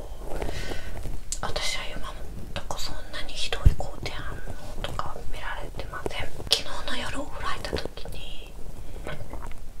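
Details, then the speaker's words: Woman during a 7-day fast, recorded in the first four days: irregular soft gurgles, squelches and brief bubbling rumbles picked up close to the belly, normal bowel sounds from intestinal movement. "วันนี้จะมีเสียงPop-chapo""ในท้องของฉันเขย่า♪เขย่า♪"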